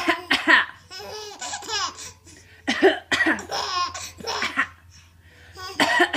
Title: Coughing is hilarious, you guys.